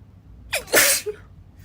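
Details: Girl sneezing during a read-aloud: a quick catch of breath, then a single sharp sneeze with a short voiced tail over faint room noise.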